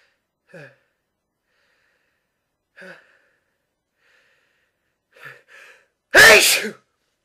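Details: Several short catching inhalations while trying to hold back a sneeze, then one loud explosive sneeze breaking through.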